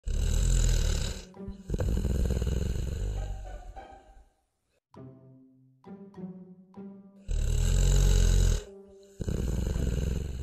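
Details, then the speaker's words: Loud, rough, low snores with breaks between them, performed in a comic sketch about a partner snoring at bedtime; simulated snoring. "Tem bem uns dois anos que eu tô tentando dormir. Esse bichigueto não para de roncar."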